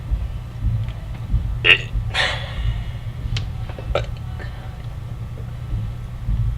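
A single gurgling belch over a low rumbling background, with a few small clicks around it.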